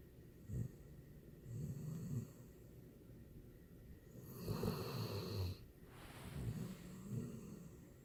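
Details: Sleeping dog snoring: several low, rumbling snores in a row over a few breaths, with soft snuffling between them.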